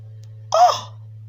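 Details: Single short, explosive sneeze in a quiet room from a 14-year-old who says they are sick.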